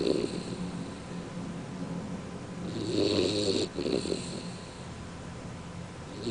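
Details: Dog Turk snoring in sleep: rough, rattling breaths with one louder snort mid-clip.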